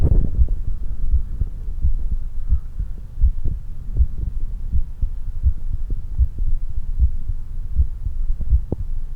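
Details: Fast, regular low heartbeats at about 110 per minute over a steady low hum, recorded after exercise; normal heart sped up after exercise.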